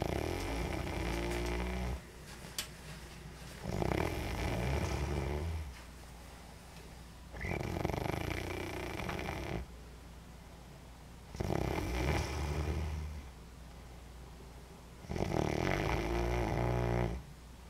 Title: Guess who Snores.mov